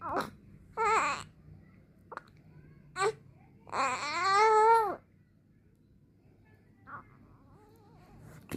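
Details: Brief fussy cries and whimpers from a newborn baby girl who has hiccups, separated by quiet pauses in a small room; ordinary infant crying.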